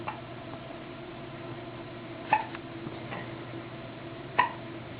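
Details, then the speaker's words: Repeated hiccups: three sharp, brief hiccups about two seconds apart, roughly 30 a minute, over quiet room noise. "Hiccup. Hiccup. Hiccup. Hiccup."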